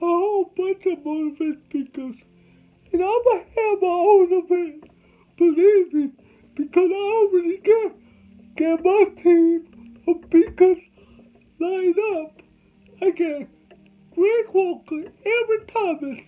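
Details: Adult male with cerebral palsy from birth; dysarthria (cerebral palsy).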